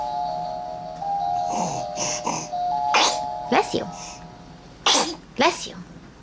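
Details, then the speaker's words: Several small, sharp sneezes from a 5-month-old baby boy chewing a spinning toy, over tinkling toy music with an adult voice saying bless you; ordinary harmless infant sneezing. "baby's sneezes are cute what's the matter more sneezes bless you oh bless you sweetheart"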